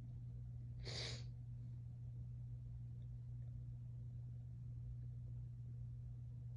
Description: Tipsy and high, variety sneezes